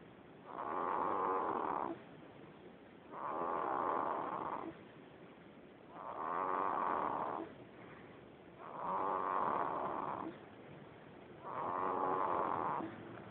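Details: Steady, rhythmic raspy snores about 22 a minute, each over a second long with brief quiet gaps; snoring during sleep, recorded on a smartphone.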